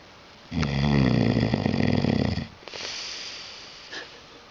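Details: Intoxicated man sleeping through an earthquake: one loud, rattling snore on a breath in, followed by a softer breath out; snoring.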